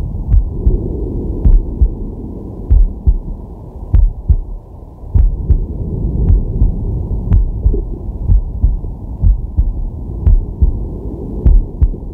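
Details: Sleeping man's heart recorded with a digital stethoscope on the chest: steady deep lub-dub at roughly 50 a minute with soft deep breathing noise behind; normal heart sounds.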